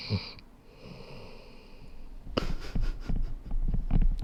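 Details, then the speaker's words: Snoring heard in the background while someone talks, faintly audible: snoring. "is is literally snoring I don't know if you can hear"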